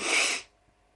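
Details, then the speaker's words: A single forceful, hissing sneeze burst fading quickly to quiet, one of a run of sneezes during a sneezing fit in a tired adult with a headache. "I'm going to sneeze again I'm sorry there's another one I'll be right back again and I'm back sorry that time I had to blow my nose cuz as you saw I sneezed my face off"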